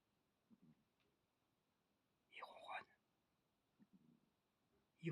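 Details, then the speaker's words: Soft rhythmic snoring, about 26 breaths a minute, from a sleeping pet cat lying on his back, paws up, in a quiet room, a louder voice between breaths. "il ronfle, il est comme son père. Vous l'entendez? Il entend ronfler."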